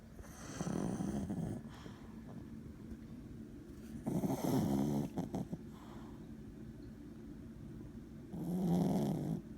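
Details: Snoring: three loud, rattling snores about four seconds apart, with quiet breathing between them.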